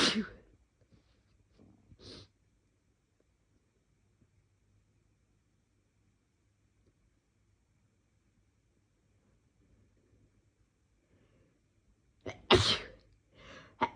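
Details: Person deliberately inducing sneezes on a day of more sneezing than usual with no apparent reason: a loud sneeze, a small second one, then after a long quiet stretch a sharp sneeze and breathy exhale.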